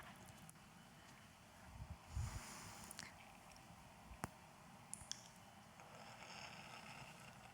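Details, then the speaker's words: A person with cystic fibrosis doing autogenic drainage, recorded audio: soft, wet squelching and crackling mucus sounds on slow exhalation over several breaths, faint at first, with faint room noise. "no siempre se oye así de bien pero aquí vamos a vivir como debería oírse cuando sopláis es una persona con fibrosis quística haciendo drogas autógeno al principio se oye poquito"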